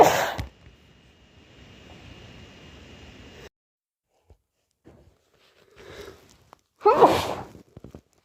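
Two forceful, muffled sneezes separated by quiet breathing and soft sounds, with a running hiss between them; sneezing from a cold.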